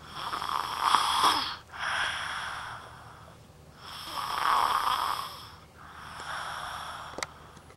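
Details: Snoring lately, now even when positioned on his side, which usually stops it: loud, rough, rattling breaths in and out, about two full cycles over eight seconds with a pause between; snoring.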